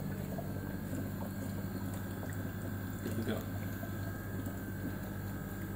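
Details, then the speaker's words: Bubble CPAP circuit for an infant with a FlexiTrunk mask and bonnet, tested before it is attached to the patient: continuous low bubbling gurgle from the water chamber shows the circuit is set up properly. "you can hook it up and if you get bubbles and so that means your shirt gets up properly"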